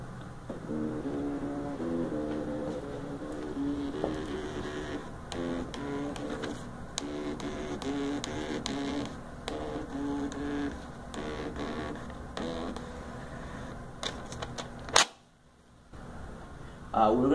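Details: GE Achilles portable bone density ultrasonometer, repaired after being dropped and reported not printing, printing a quality-assurance phantom report: rhythmic mechanical whirring and clicking of a small printer for about fifteen seconds.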